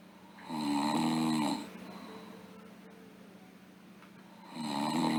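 Loud, rumbling snores on each in-breath with quiet out-breaths between; ordinary snoring.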